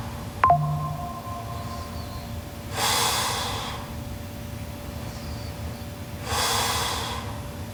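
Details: Sleeping Japanese girl snoring very loudly: two loud, airy rushing breaths a few seconds apart, heavy noisy breathing during sleep, over steady room hum.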